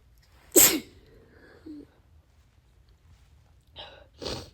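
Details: Fit of wet sneezing, cause unknown, leaving snot everywhere: one sharp wet sneeze, then a sniffle and a couple of smaller sneeze-like false starts.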